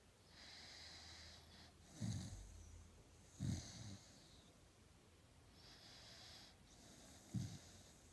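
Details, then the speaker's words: Quiet breathing with three low snorting snores over about eight seconds from a dog sleeping in the morning: ordinary snoring. "I've just shown you Aussie snoring his little head off"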